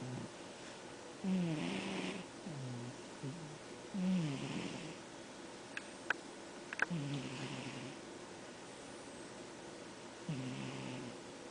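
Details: Rough, rattling snores on the in-breath, spaced a few seconds apart against quiet room noise, with faint clicks; snoring.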